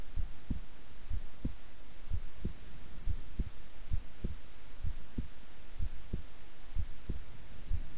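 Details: Steady, regular low thumping at about 63 beats a minute over a soft hum, a person's own heartbeat recorded at length while resting quietly; normal heart sounds.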